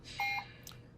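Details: Brief electronic beep of a Puritan Bennett 560 home ventilator's key press and accept tone while volume-based mode settings are adjusted in a demonstration; normal ventilator keypad tone.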